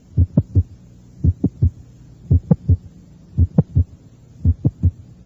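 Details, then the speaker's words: Teaching recording at the mesocardiac area: slow regular heartbeat about 55 a minute with normal heart sounds, then a sharp mid-systolic click introduced between first and second sounds. "fue un chasquido mes o sistólico los ruidos cardíacos son normales"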